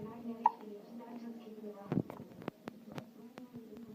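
Several short, sharp hiccup clicks over steady whistling in a quiet room; ordinary hiccups.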